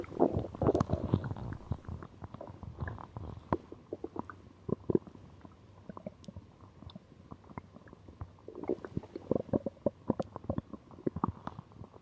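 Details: Stomach growling after drinking cola: continuous gurgling, bubbling and crackly rumbling from the belly, ordinary bowel sounds (borborygmi).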